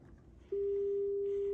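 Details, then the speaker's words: A steady pure mid-pitched test tone played for an informal family hearing check of four volunteers; everyone reports hearing it. "who can hear the sound me me everybody can hear it good job everyone"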